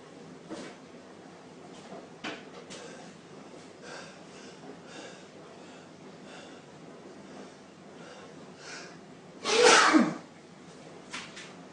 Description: Sneezy Male sneezer with a sneezing fetish deliberately sneezes uncontrollably on camera.